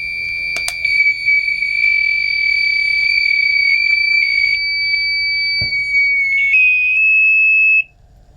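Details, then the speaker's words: Continuous shrill electronic alarm from an LVAD controller when the driveline is disconnected during a demonstration controller change, then silenced once the driveline is plugged back in. "your silence buttons to silence the alarms once you have the drive line firmly plugged in you should hear it click"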